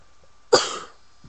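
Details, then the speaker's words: A sick child with a cold gives a single short, harsh cough burst in a quiet room; cough. "now we're both sick and now we're both coughing our brains out of our noses like okay we're just both really sick"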